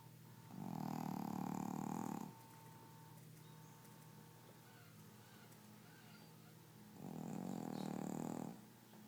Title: Gidget Snoring